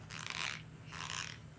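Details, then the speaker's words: Two short bursts of gritty, scraping teeth grinding from a child with cerebral palsy who has ground his teeth for about nine years, cause unknown to doctors and dentist; bruxism. "so he's been grinding his teeth for maybe nine years and i asked the doctor the dentist and everyone why nobody knows why"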